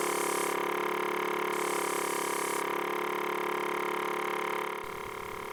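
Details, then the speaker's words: Portable suction unit switched on and checked for mechanical suction, with a steady loud motor drone and fast buzzing pulse. Simulated EMT skills scenario: unresponsive adult, mouth full of secretions and vomitus, weak carotid pulse of about 60. "Prepare for suctioning. Turn on the suction device and assure the presence of mechanical suction."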